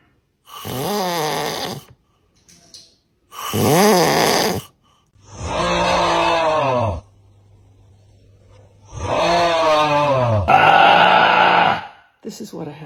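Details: Unusual, loud, irregular snoring in a sleeping person, with rising and falling tonal groans and snorts in bursts separated by pauses.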